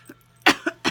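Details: Woman attributing her cough to allergies, also crying and sneezing: three short, sharp dry coughs in quick succession after a faint throat sound, in a quiet room.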